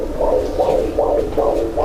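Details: Fetal heartbeat recorded by the baby's big sister: rapid, regular whooshing pulses, about 160 beats a minute.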